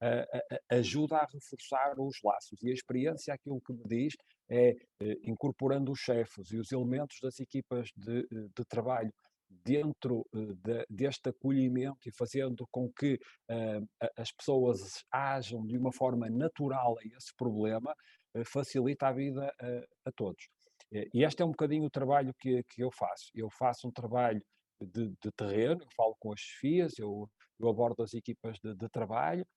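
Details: Adult male speaker; ordinary speech.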